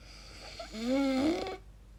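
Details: A single short, groaning, tonal breath sound under a second, a snore during sleep; the person describes their sleep noises as very strange and asks whether it is snoring or sleep apnea.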